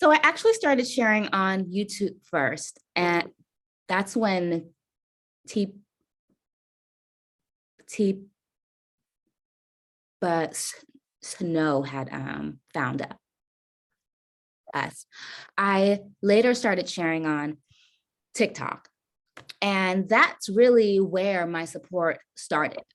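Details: Adult woman caregiver with a self-reported stutter; stuttering.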